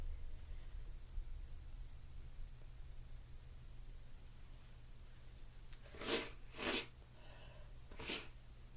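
Quiet room, then three sharp, forceful sneezes close together near the end.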